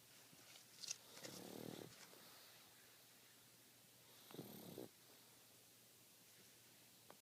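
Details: Pug snoring while sleeping and dreaming: two short rattling, snorting breaths through the nose, typical of a flat-faced dog snoring.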